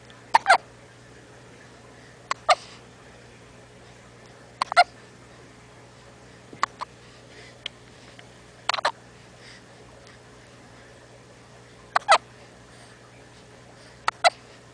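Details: Infant's hiccups: short, sharp hiccup sounds repeating about every two seconds, roughly 28 a minute, over a faint steady hum.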